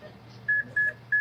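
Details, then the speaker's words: Monitor beeps at uneven spacing mark each QRS complex as the device syncs. A sedated female patient in an irregular rhythm, which a colleague calls atrial flutter, gets repeated 200 J synchronized cardioversion shocks timed on the QRS. Extrasystoles follow and she has not converted. "Isso daqui é a máquina vendo que esse é o QRS e na cardioversão, o cardioversor ele joga o choque em cima do QRS."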